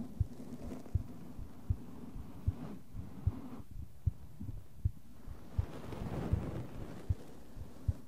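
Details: ASMR heart sound recording: steady, regular low heart thumps at about 77 beats a minute, with brushing and tapping sounds in the other ear.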